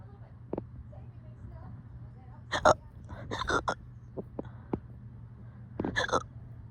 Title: These hiccups were being so dramatic lol #hiccups #hiccupvideo #hiccupburp #funny #funnyshorts